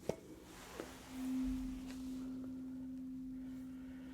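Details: A few light taps, then a steady pure tone that slowly fades: a tuning-fork style hearing test tone in a simulated ASMR otoscope ear exam, where mild hearing loss is put down to ear wax blockage.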